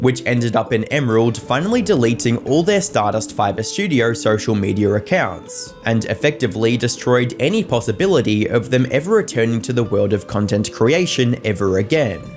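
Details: Adult narrator; Normal fluent speech.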